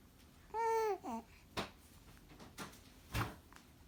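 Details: A short infant vocal sound, then three brief, abrupt hiccups about a second apart in a quiet room: infant hiccups.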